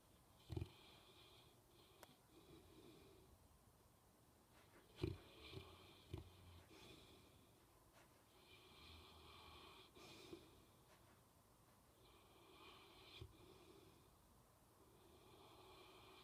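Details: Dog snoring and dreaming during sleep; quiet, irregular snoring breaths at roughly 13 a minute with occasional snorts and soft thumps from movement; snoring.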